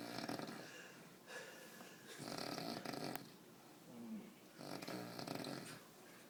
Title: Snoring in tallinn